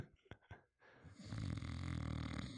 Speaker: have microphoned my boyfriend snoring sleeping on the couch cuddling a not safe for work Scar from The Lion King buddy pillow mm-hmm this is this is an exclusive snore